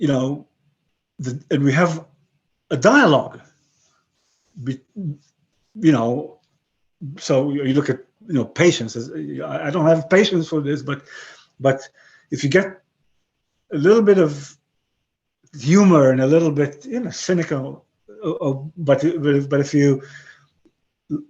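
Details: 62-year-old man with aphasia after a stroke about 11 years earlier; he retains broken English and Hebrew but lost his other languages.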